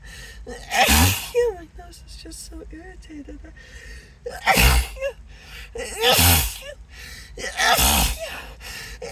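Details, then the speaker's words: Acted sneezing fit: four forceful sneezes in quick succession with gasping in-breaths between, faint music behind; the sneezer says it is slowing down and suspects some kind of allergy. "it's definitely slowing down though oh my goodness gosh must be some kind of allergy to"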